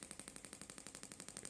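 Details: Shockmaster 300 Gymna radial shockwave at 1.6 bar, 12 Hz, 20 mm head, with gel, treating grade 2 cellulite with upward sweeping strokes: rapid, even mechanical clicking at about twelve pulses a second.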